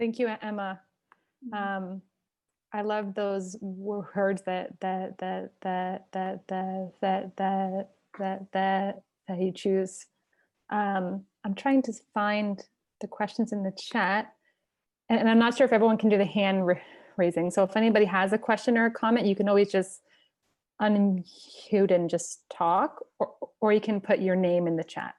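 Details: Stuttering in an adult who stutters, opening a live online stuttering community event, with sound repetitions audible.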